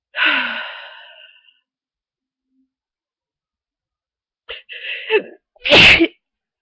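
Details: Person with a very bad cold, sneezing all day: a drawn-out breathy sound, then two loud sneezes, each after a sharp intake of breath; sneezing fit.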